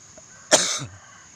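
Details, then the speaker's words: An adult man, hoarse from a cough and flu, gives a single short, harsh cough with a faint rasp as it trails off. "Dan mohon maaf ya sobat tani, di sini suara saya memang lagi serak karena lagi batuk, lagi flu ya."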